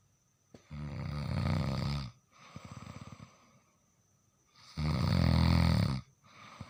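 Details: Original sound of nasal snoring: loud, low rumbling snores on two breaths about four seconds apart, with a softer fluttering rattle between them.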